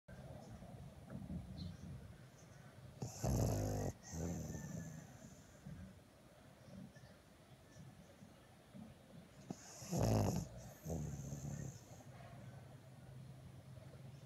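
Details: Snoring: two loud, rough snoring breaths about seven seconds apart, with quiet breathing between them, in a quiet room.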